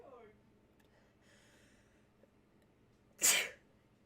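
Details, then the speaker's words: Woman having repeated sneezing bouts while filming at home: quiet room, a faint breath, then one sudden loud ordinary sneeze. "Oh, wait. I just annoyed my dog. He left. He's like, "I'm not just sitting next to this woman who's sneezing.""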